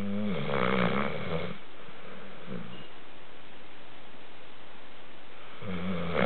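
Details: Dog snoring during sleep: low, rattling, vibrating breathing noise at the start and end with quiet pauses between.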